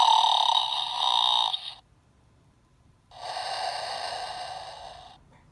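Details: Simulated snoring from an unreleased Snorlax prototype plush toy, activated by its foot button: two long, hissing, buzzy breaths separated by a pause; snoring.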